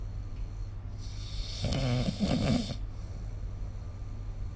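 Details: Snoring recorded during sleep with the SnoreLab app: one coarse, rumbling snore over steady background hiss.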